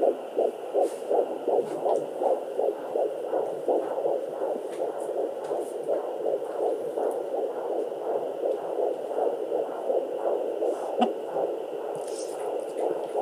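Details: Fetal heartbeat at 12 weeks of pregnancy on a Sonoline B fetal Doppler, in the 160s a minute: rapid, regular whooshing, with baby kicking and swimming noises, probe scratches at start and end, and a dog shaking its ears midway.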